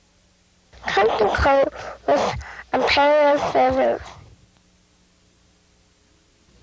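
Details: Youngster with an operated submucous cleft palate; posterior nasal fricatives (cleft palate speech).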